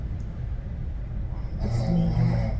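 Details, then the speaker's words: Low rumbling snoring of a person asleep in a noisy hospital waiting room during a long wait while a delivery operation is underway; ordinary snoring. "niyo, sarap ng hilik niya. Sana all."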